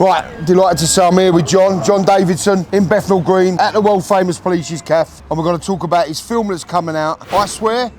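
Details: Adult male speaker; normal fluent speech.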